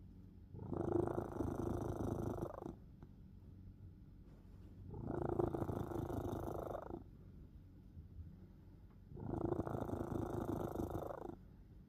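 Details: A sleeping cat snoring: loud rattling snores about every 4.5 seconds, roughly 13 breaths a minute, with quiet pauses between them.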